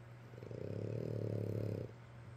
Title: Sleeping and snoring with Daddy